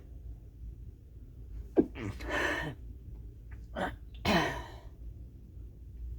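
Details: Stifled sneezes during a huge sneezing fit: two sneezes, each with a sharp intake of breath followed by a muffled, held-back burst, then exhaled "whew".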